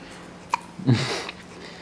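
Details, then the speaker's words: Hiccups that have gone on a long time in a child, not stopped by walking around the house: a small click, then a single soft, short hiccup in a quiet room. "come on can we do the hiccups it's been going on forever how can we get rid of them"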